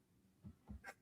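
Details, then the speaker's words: A dog snoring, audible in the background. "Can you hear this dog snoring? Yeah."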